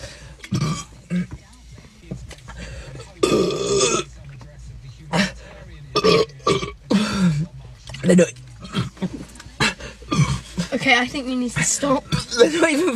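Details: Woman burping uncontrollably after drinking Coke: repeated loud, prolonged belches between bits of talk and laughter, with music in the background.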